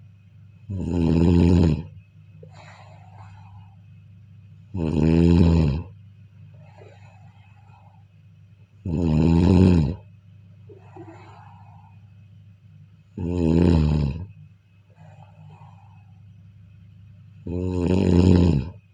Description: النوم والاستماع إلى صوت الشخير ، والنوم جيدا ، والاستماع إلى صديق للنوم.